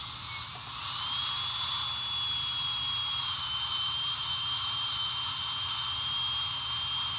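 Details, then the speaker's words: High-speed dental drill with a continuous high-pitched whine and steady air hiss, cutting the lingual 0.5 mm chamfer margin during a PFM crown preparation for tooth 1; normal working sound. "So in order to merge it properly with the fascial, which is a shoulder, what I'm gonna do is I will run my two striper bar very smoothly, where the two margins join."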